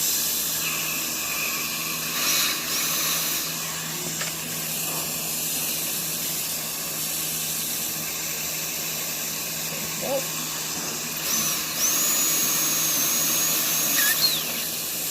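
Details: Steady high hiss of air and water spray with brief high-pitched whines: a high-speed dental handpiece with a 557 bur preparing tooth number 6 under rubber dam.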